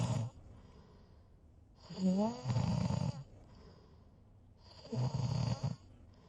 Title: Snoring (sound clip)